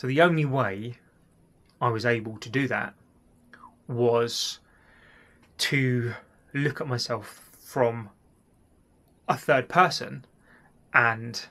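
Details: Adult man who has stammered since childhood: stuttering.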